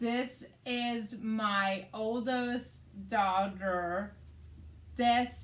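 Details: Adult woman with aphasia after a hemorrhagic stroke on May 19, 2020, treated with brain surgery; also has right-side hemiparesis; her aphasia also affects reading and writing.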